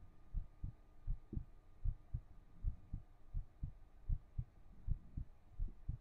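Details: Soft, low, regular thumps in quick pairs, about 27 a minute, with a faint hum behind, recorded with a 3Dio binaural microphone: a heartbeat.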